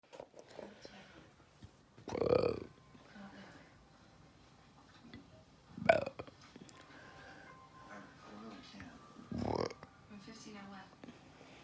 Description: Bored Burping